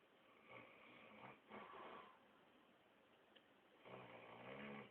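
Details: Rough, rattling snoring in bursts separated by quieter pauses, over steady low room hiss, from an adult woman asleep who was diagnosed with sleep apnea a few months later; snoring.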